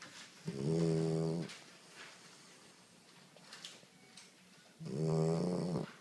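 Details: Sleeping female dog: two loud, buzzing in-breath snores about four seconds apart with quiet breathing between; snoring.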